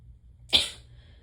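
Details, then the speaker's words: Sneeze during a sneezing fit, with a tickle so bad the person struggles to sneeze: one sharp, hissing sneeze burst that fades quickly, faint room hum behind it. "Like, it literally tickles so bad that I can't fucking sneeze. This is horrible."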